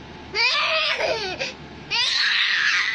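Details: 1-year-old baby laughing and giggling at sneezing: two high, wavering vocal bursts, cry-like but possibly laughter.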